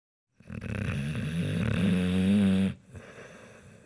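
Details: Snoring: a single long, rising, buzzing snore on an in-breath, then quiet breathing.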